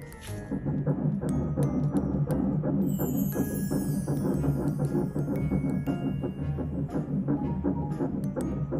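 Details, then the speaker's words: Fetal heartbeat on ultrasound, early pregnancy (4–11 weeks series), 32-year-old mother: rapid, drum-like rhythmic thumping about 167 a minute, baby moving, described as very healthy; music in background. "자, 이렇게 심장 뛰는 것도 잘 보이고, 애기 잘 놀고, 그죠? 자, 심장 소리 먼저 들려드릴게요."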